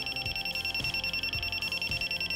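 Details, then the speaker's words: Neatcell pulsed laser for tattoo removal, used on the user's own skin with adjustable intensity and frequency settings up to nine: a steady high-pitched beeping tone with rapid pulsing and soft low thumps from the running device. "I spend my laser I don't know why they make it beep it goes up to some different settings"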